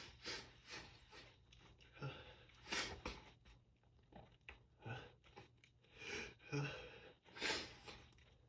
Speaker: All I've been able to do all day is surrender to these tremendous sneezes. They take over my whole body. My whole body just quivers.